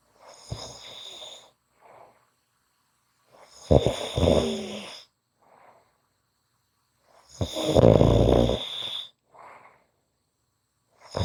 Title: Short snoring Audio